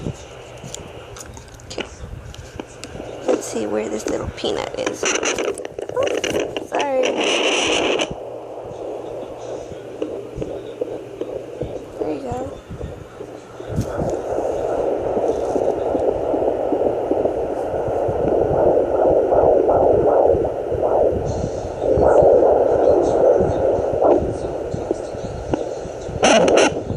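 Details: Fetal heartbeat heard by a pregnant woman on a home fetal Doppler on her belly: rapid, rhythmic whooshing pulses, with probe scraping and the signal lost as the baby moves.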